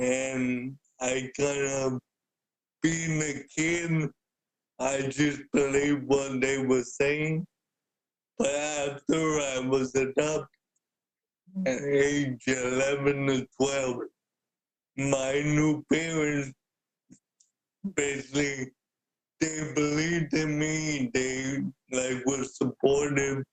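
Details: Dysarthria in an adult man with cerebral palsy since birth who uses a wheelchair; speaking is noted to be hard for him.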